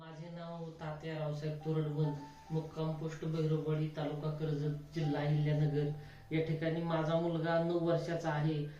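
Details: Adult male speaker; typical adult speech.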